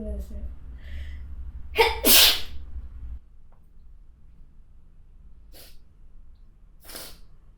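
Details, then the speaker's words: A woman gives one forceful sneeze after a quick indrawn breath, following an inhaled minty tingling in the nose, then a few soft breaths or sniffs in a quiet room. "待って、もうくしゃみ出そう。めっちゃムズムズする。"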